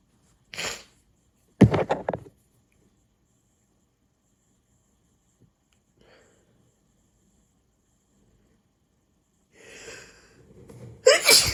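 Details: Hay fever sneezing attack after cutting the grass, allergy excessive this month: two loud sneezes in quick succession, then sniffing and another sneeze.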